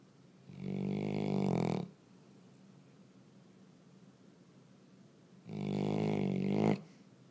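Two long, rough, buzzing snores about five seconds apart, with quiet breathing between them. Dog snoring.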